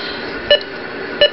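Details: Ohmeda Trustat 3500 pulse oximeter in use, oxygen saturation 99%, heart rate 86: two short tones about 0.7 seconds apart, beeping with each heartbeat; pulse oximeter pulse beep.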